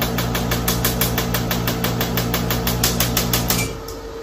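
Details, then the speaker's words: Shockwave therapy applicator demonstrated on the shoulder setting at a chiropractic clinic, applied gently against the skin: fast, loud, regular mechanical tapping about three pulses per second over a steady motor hum, then stopping. "we're going to go ahead and just choose shoulder as an example which is a common issue and this is what you'll sound and it goes right against different parts of your your body in your skin so very gentle and light you go through and"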